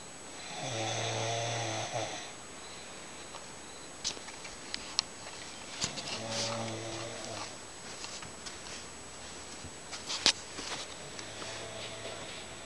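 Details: Mother snoring at 6:40 in the early morning in a dark, quiet room: low rattling snores on each inhalation, with a few clicks and bumps.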